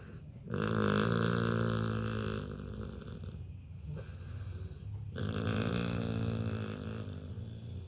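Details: Labrador puppy asleep on its owner's lap, snoring loudly: drawn-out, rumbling breaths buzzing with a rough, low vibration.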